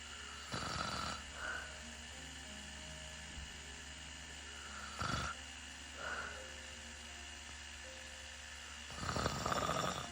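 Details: Client snoring while lying for a microblading/permanent-makeup brow procedure: soft, rough snoring breaths at intervals over steady machine hum and faint background music; light snoring during sleep.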